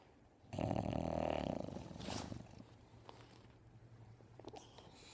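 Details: Bulldog sleeping on its owner and snoring very loudly.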